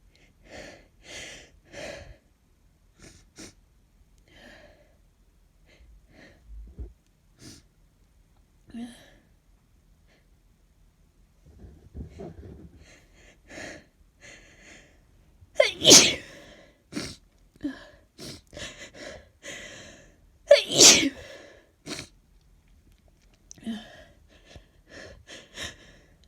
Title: Snotty cold sneezes